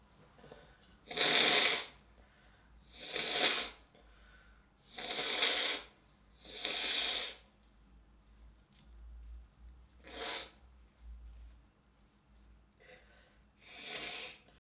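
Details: An adult woman sneezing repeatedly: a series of about seven sharp, hissing sneeze bursts.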